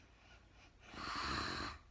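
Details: Real-time recording of a sleeping woman snoring: a single rough, fluttering breath under a second with a low rattling vibration, in a quiet room.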